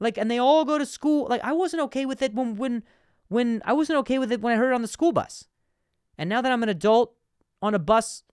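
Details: Adult man, a comedian who stutters, speaking with part-word and word repetitions; stuttering.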